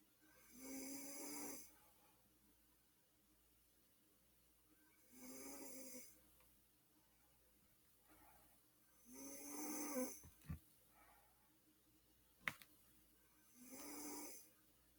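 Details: Snoring from a sleeping person: rough, rattling snores with each breath in, about 14 breaths a minute, with quiet between them.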